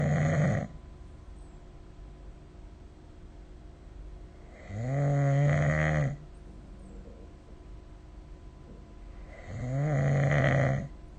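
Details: Snoring recorded with the SnoreLab phone app during sleep; three snores about every five seconds, roughly 12 a minute, each a deep, slightly whistling tone on the inbreath.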